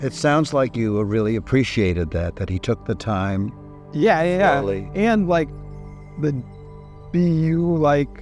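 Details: Adult speech; no disorder.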